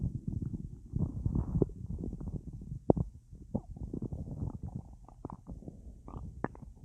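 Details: Full, gassy stomach after a large meal with a drink: continuous low gurgling and bubbling with scattered sharper pops; active bowel sounds of gas and fluid moving.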